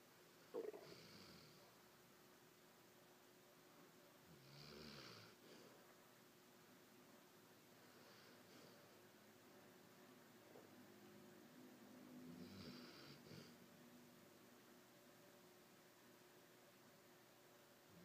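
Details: Dog snoring while asleep: soft rasping snores, about four breaths in 18 seconds, over low room noise; quiet at first and getting louder towards the end.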